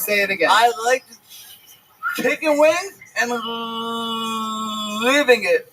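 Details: Stuttering that the host says sometimes happens and sometimes does not.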